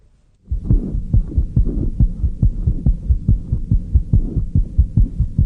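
Rapid, regular paired heartbeats at about 140 a minute, normal heart sounds for an infant.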